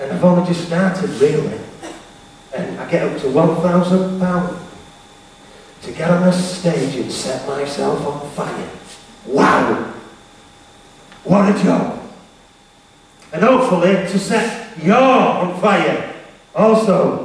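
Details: Male motivational speaker with a self-described stammer/stutter, who was referred to a speech therapist, speaking live to teenagers; stuttering.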